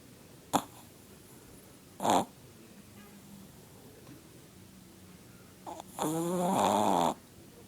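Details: Loud, rattling snorts from a sleeping Chihuahua, with short bursts and one longer fluttering snore; he sometimes snored with his eyes open.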